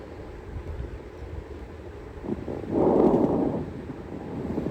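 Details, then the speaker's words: Teaching example of coarse crackles, attributed to fluid accumulation: a single breath with low, bubbly, rattling noise over a rough background. "Yeah. And here's a coarse grip."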